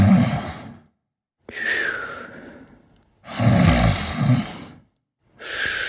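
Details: Sabastian sleeping and snoring: slow, loud breaths with rough, rattling sounds on alternate phases, separated by short pauses.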